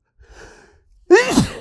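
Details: Announced sneeze from an adult who says it tickles a lot: a faint breath intake, then one sharp, explosive sneeze.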